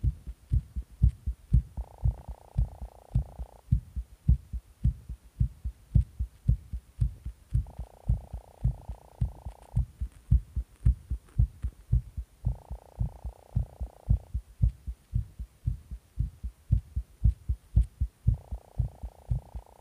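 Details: Rapid heartbeat after stimulant use: fast, strong beats about 113 a minute, with a hum coming and going in the background.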